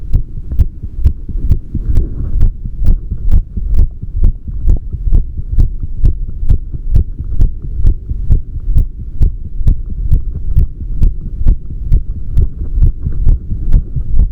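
Loud, regular low heartbeat with paired thumps, about 65 beats a minute, against a steady hum; normal adult heart sounds.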